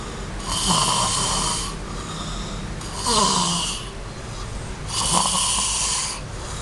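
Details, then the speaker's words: Person snoring while asleep past rest time: snoring. "lihat kan kalau tadi orang ngorok udah bukan jam istirahat lagi masih tidur aja gakwat"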